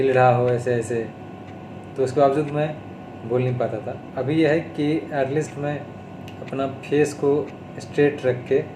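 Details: Adult man with stuttering (stammering), recorded on day 32 of speech therapy, speaking Hindi mixed with English.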